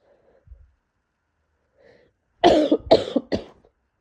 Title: Congested cold coughs